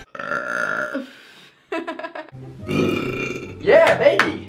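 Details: Woman burping: low, drawn-out voiced belches with a short break between them, some background noise.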